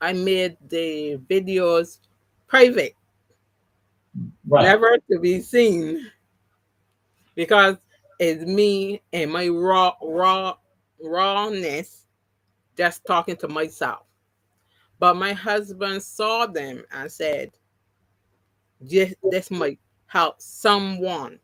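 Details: Adult woman after three strokes (2017, 2018, 2019), the first haemorrhagic, causing loss of speech and right-sided paralysis; speech regained, some words never returned; mild residual post-stroke aphasia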